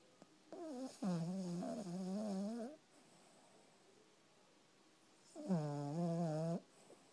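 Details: Dog asleep after a long day of work snoring: two long, loud, droning snores with buzzing, tonal quality and a quiet pause between them.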